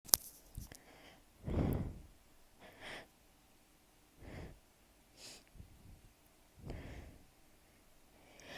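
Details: Sneezing fit while lying beneath a ceiling fan in summer, the sneezer's worst season: several short, breathy sneeze bursts in quick succession, one louder than the rest.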